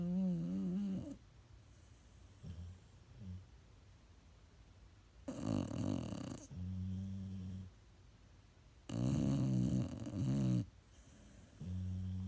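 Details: Two sleepers, a sleeper and her foster brother, snoring in turn: one with deep buzzing snores, one with higher rumbling snores, a few seconds apart; snoring duet.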